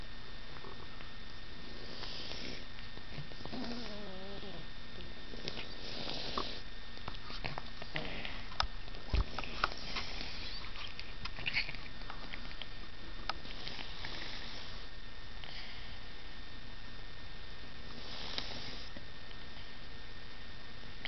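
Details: Cat wheezing with noisy, snuffly breaths and a brief squeaky whistling tone; subdued but not morbid, eating and drinking, normal temperature, clear runny nose.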